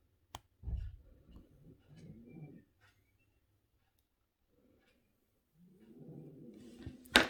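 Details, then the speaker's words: A sleeping pet snoring: two rough, low rumbling breath sounds separated by a quiet pause, with faint metallic clicks in a small room. "gracie snoring if you can hear all that noise"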